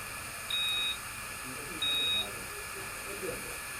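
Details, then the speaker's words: Two short high electronic beeps over steady hiss from a dental curing light timing its cure cycle, during composite repair of fractured porcelain on a porcelain-fused-to-metal bridge (teeth 5–7) after the patient fell on her face. "Now, I do believe I've heard one beep, possibly two. At any rate, I've heard two now."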